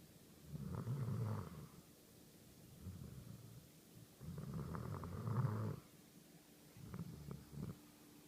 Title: Snoring dog (coonhound)